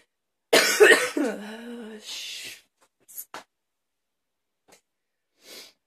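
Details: Hard afternoon coughing fit that leaves the person tired: a harsh cough burst running into a strained, drawn-out cough, then a couple of short breaths and quiet.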